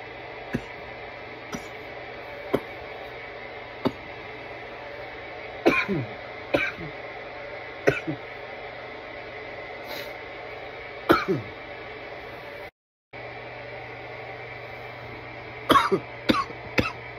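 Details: Irritant coughing fits after inhaling bong smoke: repeated short harsh cough bursts in clusters over steady room hum.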